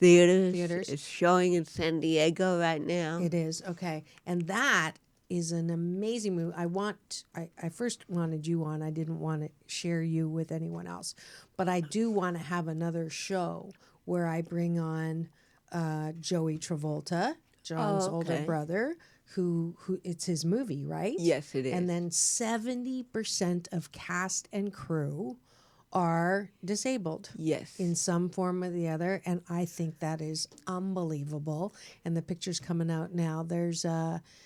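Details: Adult woman speaking, studio conversation; normal speech.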